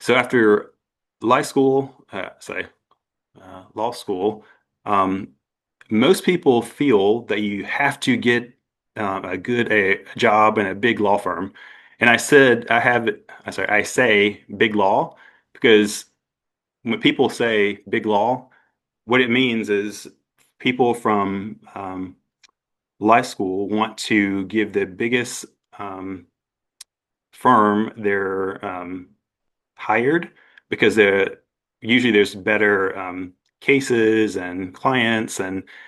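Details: Adult man who had a stroke at 41 with no warning. His aphasia began as global, then Broca's, and is now milder; he also has apraxia of speech. Finding: aphasia with apraxia of speech.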